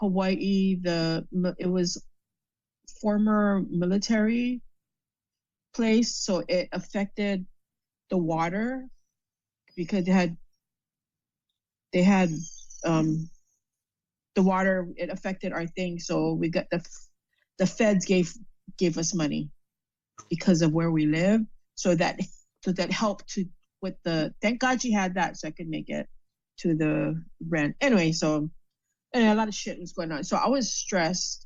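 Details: Adult female with aphasia after a stroke; she reports being unable to say the right words and having trouble understanding speech. Finding: aphasia.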